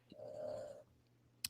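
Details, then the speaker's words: Dog asleep on the floor, snoring in the background of a podcast: a single soft, fluttery snore, then quiet and a brief click. "my dog is that's what you hear if you're listening to the podcast and you hear the occasional snore that's my dog in the floor"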